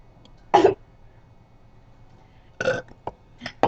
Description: gettin down nd crazyy. Burpin the hell outta each other.